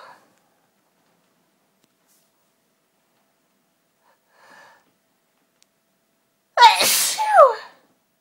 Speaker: Achoo! My sneezes are really violent. I think because the tease for so long, I'd eventually come out and it's such a relief to sneeze.